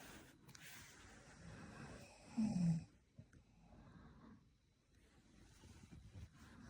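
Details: One loud, low, rattling inspiratory snore from a sleeping adult woman, 5'2" tall, with quiet breathing and faint room noise before and after; snoring.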